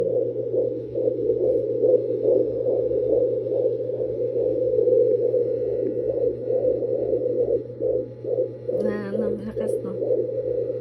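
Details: Fetal heartbeat at 20 weeks of pregnancy on a fetal Doppler: rapid, regular whooshing at about 140 beats a minute, within the normal fetal range.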